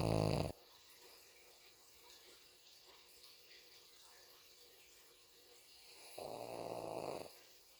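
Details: Pug snoring while asleep with eyes open: two loud, rumbling snores from a small flat-faced dog, separated by a long quiet pause.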